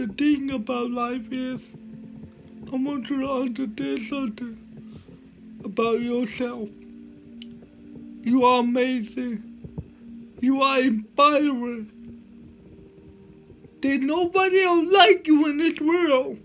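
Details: Man with cerebral palsy speaking with slurred speech that is hard to understand: dysarthria due to cerebral palsy.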